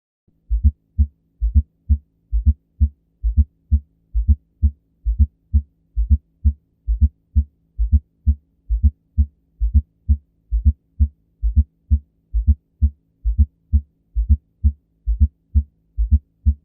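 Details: S4 heart sound (atrial gallop): regular low heart sounds at about 66 a minute with an extra soft sound late in diastole, just before S1, during atrial contraction.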